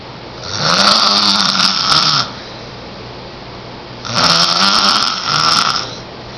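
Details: 10-year-old child snoring loudly: harsh, rasping snores with each breath, two long cycles a few seconds apart; heavy snoring.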